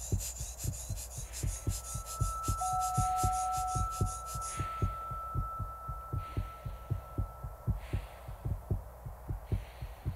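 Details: Steady, regular low heartbeat thumps at about 77 a minute, with a faint high tone and background noise, from a skier at high altitude on Everest, whose heartbeat and blood pressure are still close to normal; a heartbeat.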